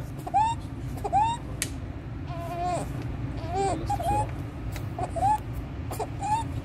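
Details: Inspiratory stridor in a 15-day-old full-term baby, with suprasternal and intercostal retractions, severe chest indrawing and desaturation, worse with crying and feeding.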